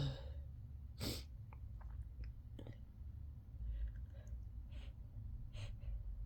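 One loud sneeze, then softer sniffs and breathy sounds against a low background rumble.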